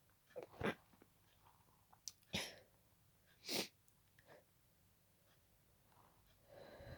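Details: Three forceful sneezes in quick succession with softer breaths between, part of a sneezing fit continuing from an earlier fit and lasting about 20 minutes at this speed; paroxysmal sneezing.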